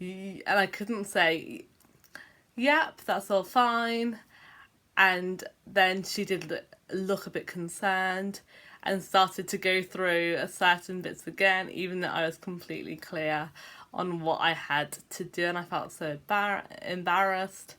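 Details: Adult woman with a self-reported stammer: stuttering.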